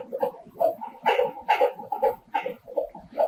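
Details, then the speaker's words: Fetal heartbeat on Doppler during an obstetric exam demonstration, with the probe angled over the fetal back: rapid, regular, high-pitched beats at about 140 a minute, to be distinguished from a maternal bruit. "Observe o Tom agudo e de batida Esses são os batimentos cardiofetal sempre lembrar de diferenciar do sopro"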